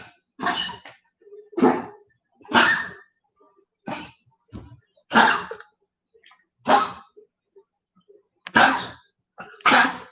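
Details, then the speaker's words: A dog with congestive heart failure coughs in the background of a live stream: about eight to nine short, harsh, dry coughs in a row with sneezes mixed in, a cardiac cough. "you can hear bolo coughing in the background that's part of his uh his issue with uh his issue with being a congestive heart failure hear him that's congestive heart failure everybody"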